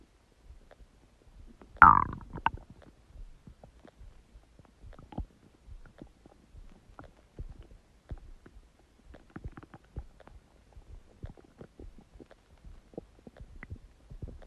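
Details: Huge stomach gurgling: a loud gurgling rumble followed by many soft bubbling, clicking gut sounds; borborygmi.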